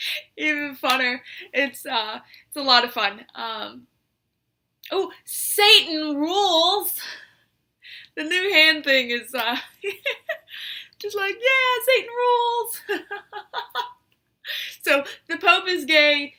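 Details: Complex vocal tics from Tourette syndrome in a female speaker with coprolalia since early June; an intense self-argument tic including swearing, usually ending with another tic.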